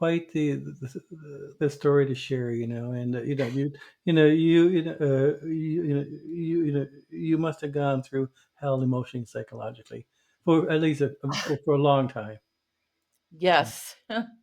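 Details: Adult who stutters, a covert stutterer for many years; stuttering.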